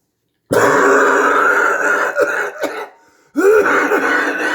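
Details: Adult with COVID-19 giving a harsh, drawn-out dry cough in a small quiet room.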